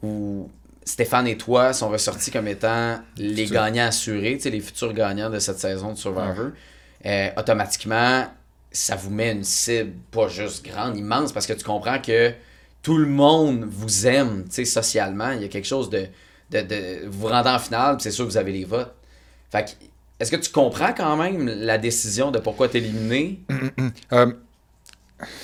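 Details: Adult male speaker; typical speech.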